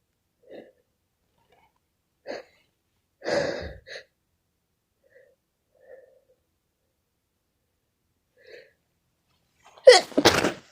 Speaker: My god, I've been sneezing all day.